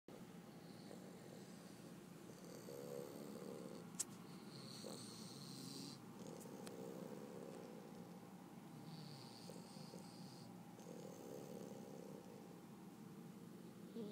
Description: Boston terrier snoring